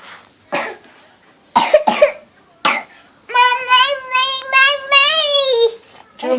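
Four short, sharp coughs from a child, followed by sung or drawn-out vocalizing; a child's cough.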